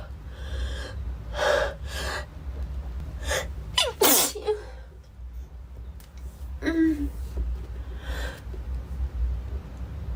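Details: Girl sneezing (labelled "15"): several quick, sharp inhalations, then an explosive sneeze, a smaller one and some breathing; a bout of sneezing.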